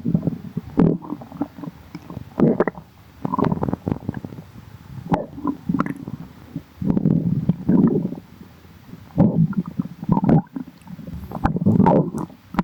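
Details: Stomach growling (borborygmi): low gurgling, rumbling bursts come and go over several seconds.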